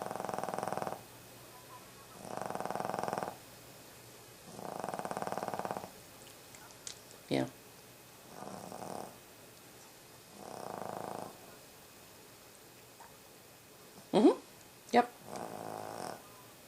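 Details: Dog snoring: slow, steady snores about one breath every 2 seconds, with a few brief unrelated noises in the room.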